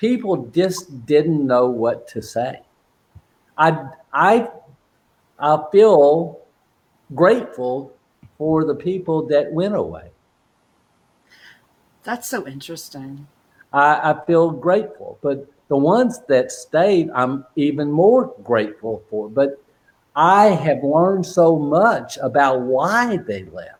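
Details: Adult man with aphasia since a stroke during heart valve surgery in 2007; shortly after the stroke he could say only one or two words; non-fluent aphasia.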